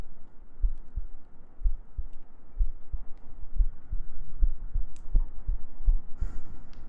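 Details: ASMR sleep-aid heartbeat with gentle breathing: steady paired low thumps at about 60 beats a minute, a calm, ordinary heartbeat over soft hiss.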